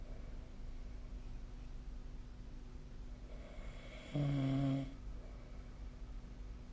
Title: 🐽 いびきの音 / Snoring Sleep Sound 2025/05/21